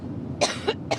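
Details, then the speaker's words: Adult woman at a campaign rally, three short, sharp coughs in quick succession over faint room noise; a recurring coughing bout she attributed to allergy and talking. "Okay, so she's coughing, but wait, hold the commentary. It turns out this is like a recurring thing, which you're going to see in this video."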